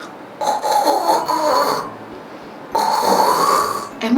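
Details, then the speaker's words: Two loud, rattling snores about two seconds apart with quiet pauses between them from someone snoring heavily during sleep; snoring. "bener ya seseorang yang ngorok pulau besar itu tandanya kecapean mitos atau fakta yuk sama-sama Belajar"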